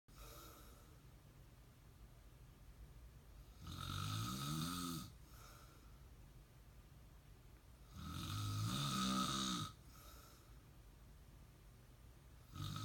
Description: Snoring at its best